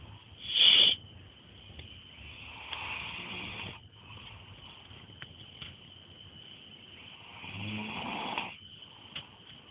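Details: Light snoring: soft, hissing, raspy breaths coming and going in slow cycles, with a loud sharp noise at the start.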